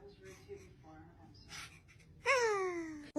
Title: bless you#blessyou #baby #sweetie #sneeze